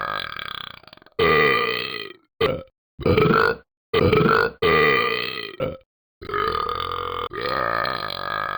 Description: Sorry having some issues with his internals